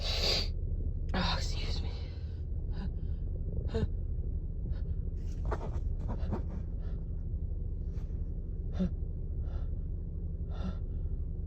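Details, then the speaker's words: Loud sneeze followed soon by another, with breathy sounds between, from an adult woman with a morning cold and a deep nasal tickle, in a series of repeated sneezes and false starts. "Excuse me. My nose tickles. I think I have to sneeze again."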